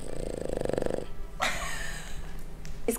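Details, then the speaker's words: An old, tired male household companion snoring loudly in the morning, a rumbling snore he keeps up all night. "chuck you guys hear that snoring i deal with that all night long it rumbles my eardrums"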